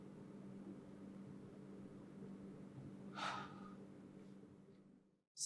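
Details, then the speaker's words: Simulated teaching demonstration of albuterol short-acting metered-dose inhaler with spacer for chronic respiratory disease: a brief hissing puff as it is actuated, then a soft, slow, deep breath in through the spacer mouthpiece and a quiet breath-hold of about 5 seconds. "then you're going to do one puff of your inhaler with a good slow deep breath in and make sure you then hold your breath for about 5 seconds so I can show you that part"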